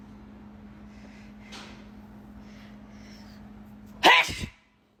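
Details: Sneeze.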